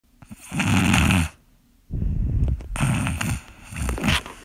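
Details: A Pekingese puppy snoring in a bedroom: rough, rattling snores on each breath, with brief quiet pauses between.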